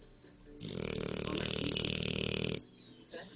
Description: took this video when i was watching tv and noticed how loud he was.